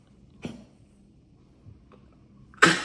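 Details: Pet cough: two abrupt explosive bursts, a softer one then a louder one.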